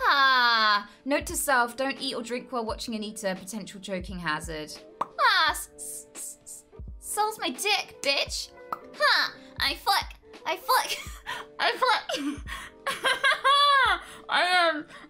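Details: Woman with Tourette syndrome and self-described quite severe coprolalia; involuntary tic interjection mid-sentence; vocal tics with coprolalia (Tourette syndrome).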